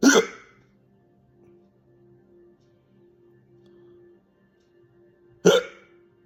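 Two abrupt, sharp hiccups about five seconds apart, with soft background music humming between them.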